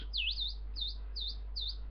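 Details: Pure-tone hearing test played from a smartphone, frequencies stepped upward: four short high-pitched tone pips over a steady low hum at about 5,000 Hz.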